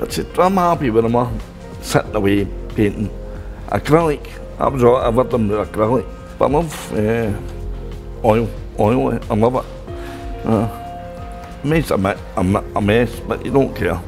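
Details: Adult man speaking; aphasia.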